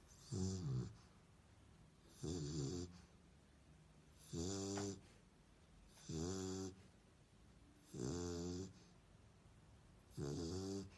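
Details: Sleeping dog snoring: regular rhythmic snores, about six in eleven seconds (roughly 31 breaths a minute), each a short rattling buzz.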